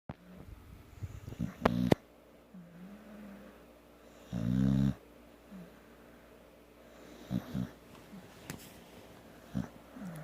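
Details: Snoring with eyes open in a sleepy girl lying on grandma: irregular snorting, rattling snores with a few soft whimpers and quiet room noise between them.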